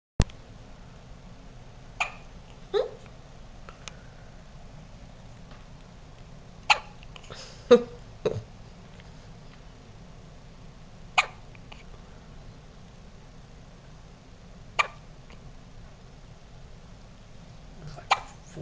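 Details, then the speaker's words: Newborn girl's first hiccups, in hospital at 4:30 am, ongoing a couple of minutes, just after a diaper change: brief sharp hiccups at irregular intervals, about nine in under twenty seconds, over quiet room noise. "4:30 on the 16th 4:30 in the morning she's had the hiccups for like couple minutes"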